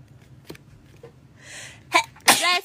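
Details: A sharp indrawn breath, then two quick explosive sneezes from a Blackpink member in a compilation clip; an ordinary sneeze.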